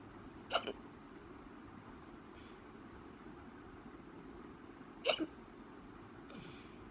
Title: Hiccups again